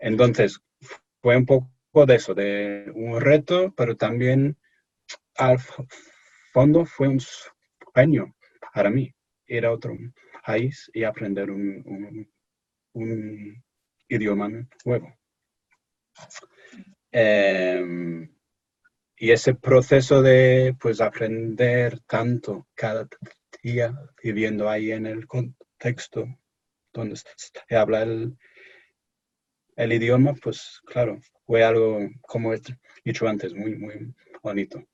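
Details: Stuttering in an adult English-born man speaking Spanish as a foreign language in an interview, who says he is a little nervous and that this may affect his speech.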